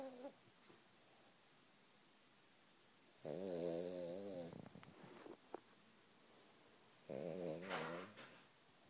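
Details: Sleeping, dreaming Cavalier King Charles spaniel snoring: two rattling, fluttering snore breaths about four seconds apart, with soft quiet gaps between.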